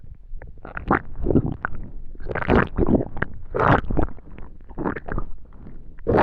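Irregular bubbling, gurgling rumbles come in bursts roughly every second, with low rolling tones between them: ordinary digestive bowel sounds, or stomach rumbling.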